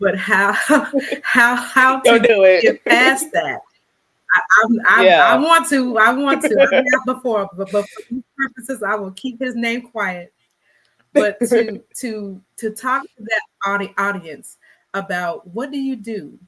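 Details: Real stuttering in an adult woman who describes herself as a person who stutters, in a conversational interview with word and phrase repetitions; stuttering.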